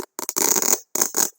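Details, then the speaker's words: Imitation of fine velcro-like crackles, as heard at both lung bases in pulmonary fibrosis: short bursts of crisp, peeling rustle. "¿Qué es el velcro? Es, por ejemplo, esto que estoy haciendo ahora, este sonidito, no sé si es como un despegamiento"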